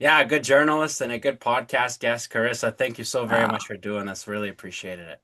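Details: Adult male speaker; normal voice.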